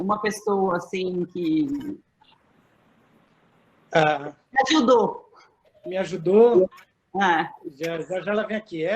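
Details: Adult woman with aphasia after a stroke in December 2016, about three and a half years post-onset; still finds figurative language difficult and needs others to speak slowly: aphasia.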